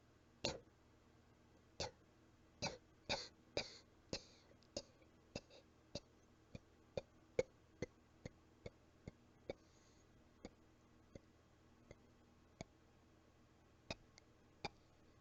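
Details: A cat gives a string of soft, brief coughs that grow fainter and fade, sounding a little out of breath: a weak cough.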